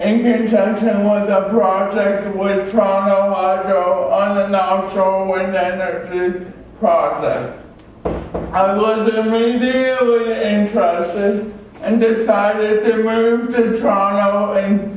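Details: Adult male with cerebral palsy from oxygen loss at birth (umbilical cord around throat), a type with muscle stiffness and irregular movements, signs noticed around age 1, after extensive speech therapy: dysarthria (cerebral palsy).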